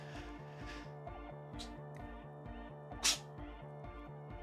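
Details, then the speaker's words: Old tuxedo cat sneezing on a couch: a single short, sharp sneeze over steady, repetitive background music. "that's Charlie sneezing I don't know if you can hear that it's uh for those of you that are new this is uh this is Charlie he's my tuxedo you can hear Charlie sneezing he's on the couch to my left"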